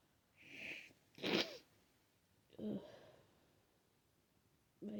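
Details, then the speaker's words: Person with a wet head cold, sneezing all day with a runny, itchy nose: breathy build-up then a sharp wet sneeze, followed by short voiced groans and sniffles. "I've been sneezing all day, and I don't know how many times I've sneezed now, but I don't think I'm done."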